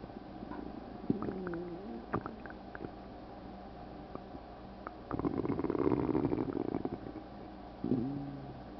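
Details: Stomach sounds in a person said to have a stomach ulcer: gurgling, bubbling rumbles with a longer churning run midway over low room hum; active bowel sounds (borborygmi).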